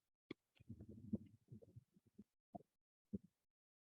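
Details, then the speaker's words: Heart sounds with a soft, blowing early diastolic murmur after the second sound, used in a teaching session on murmurs: aortic regurgitation murmur. "and an uh and a diastoic murmur so typically it's an early diastolic murmur"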